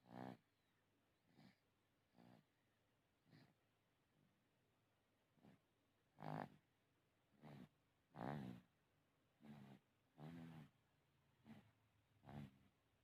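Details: Small baby in sound sleep, with frequent low rumbling snores over the breaths; ordinary infant snoring.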